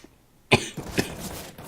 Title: fun happy time coughing(CS:GO)